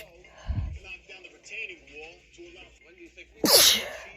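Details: Brief talk, then one sudden, loud, hissing sneeze near the end, from a short compilation of rapid sneezes.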